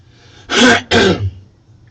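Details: Adult with recent painful breathing, chest pain, phlegm and a hoarse voice: two harsh throat-clearing bursts of about a third of a second each.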